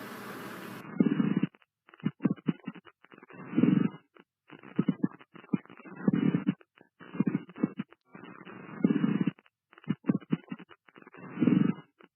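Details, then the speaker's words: Teaching example of a pleural friction rub: rough, scratchy, leathery, velcro-like rubbing sounds recurring with each breath, from inflamed pleura. "a plural friction rub and pericardial friction rubs those are two kinds of friction rubs we have their leathery velcro resounding signs of a plural friction Rob it sounds like velcro"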